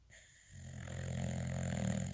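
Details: Boxer dog snoring while sleeping beside another boxer: a low, building rattle as it breathes in.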